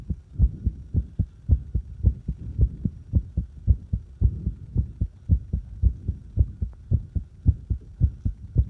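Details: Fast heartbeat (tachycardia): loud, rapid lub-dub at about 110 beats a minute, the rhythm sounding fairly even here.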